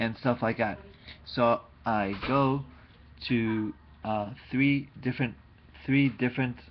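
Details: Adult male speaker; aphasia.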